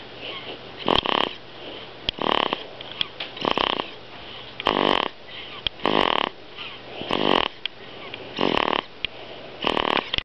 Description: This is me snoring after drinkingsome of mom's milk. So embarassing.